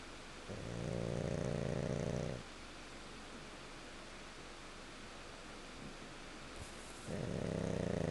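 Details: Pug dog snoring while asleep: loud, low, rattling snores on long breaths, two in eight seconds, with quiet pauses between; snoring.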